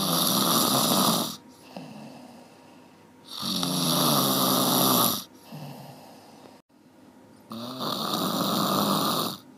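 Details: Person snoring heavily: loud, harsh rattling snores on each breath in, about 15 a minute, with quieter breathing between them.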